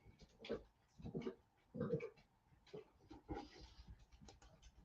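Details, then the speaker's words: A male dog's backward sneeze heard during a live stream: a series of harsh, snorting inward gasps, a reverse sneezing episode. "I don't know if you can hear him but that's the backward sneeze"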